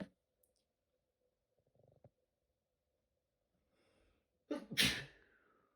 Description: I never sneezed this much on one day. These ones happened every 20-30 minutes